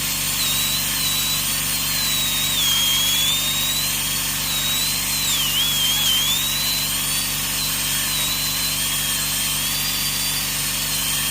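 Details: Continuous high-pitched whine of a high-speed dental drill (handpiece), pitch dipping briefly as it meets the tooth, during root canal treatment.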